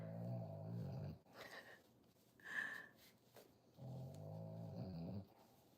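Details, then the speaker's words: Snoring heard in the background from someone sleeping nearby during a crochet livestream. "Can you hear snoring, guys? He's over here snoring"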